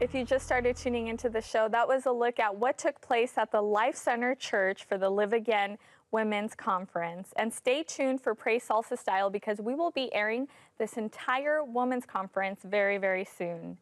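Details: Adult female speaker; Normal speech.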